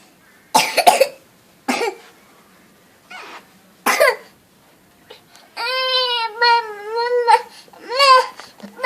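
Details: A young child coughs four times in quick, harsh bursts, then lets out a whiny, crying vocal sound; cough.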